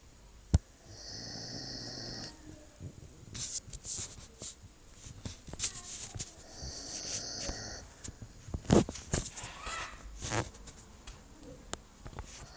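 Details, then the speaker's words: Sleeping female dog snoring: two snores, each a soft rattling breath with a thin whistling note, amid room noise and rustling; snoring. "Cómo están gente de YouTube estamos aquí con un nuevo video para el canal esta vez de escuchando Regal roncar igan igan igan Cómo ronca mi perra"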